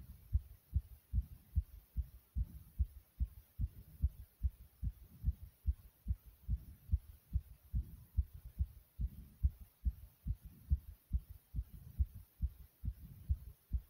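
Rapid, regular low thumps at about 140 beats a minute: a fast heartbeat after exercise.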